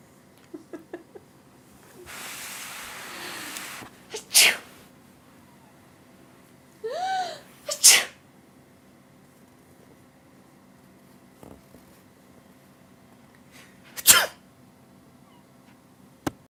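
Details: Three sharp, explosive human sneezes in a quiet room, with a cat hissing and giving a short meow between them; the cat reacts to sneezes.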